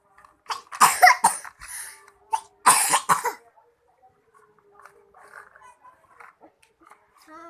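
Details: Older brother coughing: several loud coughs in two bursts, then quieter speech in the background, an ordinary cough.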